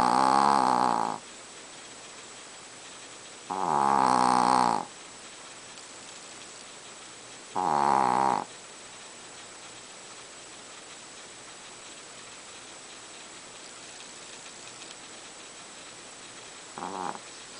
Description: teaka the famous chihuahua snores while in a deep sleep. lots of noise for a little dog!